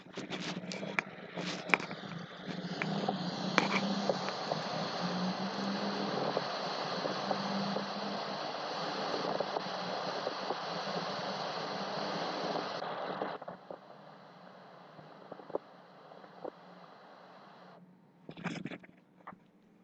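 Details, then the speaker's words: Pleural friction rub: a rough, grating, scratchy chest sound heard in both inspiration and expiration, which disappears when the patient takes a breath and holds it. "Cómo es el flote peal se escucha en ambos tiempos en inspiración expiración es udo rudo y cuando le pedimos al paciente que tome aire y que contenga la respiración el frote obviamente desaparece"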